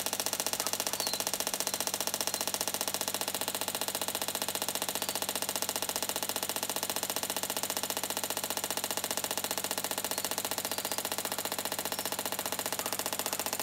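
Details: Extracorporeal shockwave therapy, the third treatment, on a 13-year-old quarter horse mare lame on and off for several months and now much better: steady, very regular rapid clicking pulses at about 128 a minute.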